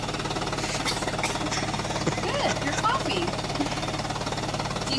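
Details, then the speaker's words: Female patient mid-session of high-frequency chest wall oscillation vest airway-clearance therapy, coached to breathe slowly and cough, with about six minutes remaining. Steady, rapid mechanical thrumming and a low pulsing drone, with faint talk behind it. "you should cough when you need to and if it if it is hard to cough with the machine running let me know and I will turn it off"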